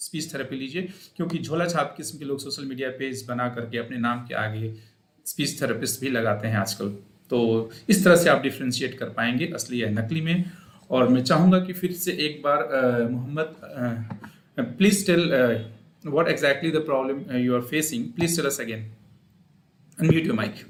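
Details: Adult male speaker; normal voice.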